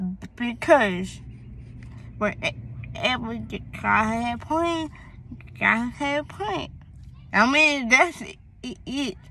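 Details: Young woman, born premature, with a speech impediment that began around third grade along with hearing loss (deafness), cause not found by doctors, treated with speech therapy at school; speech impediment.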